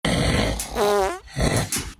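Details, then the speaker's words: A person snoring loudly: two loud, rough, rattling snore-like breaths with a fluttering, buzzing tone between them. Snoring. "You need Z tape. You [music] snore way too loud. I heard you from downtown."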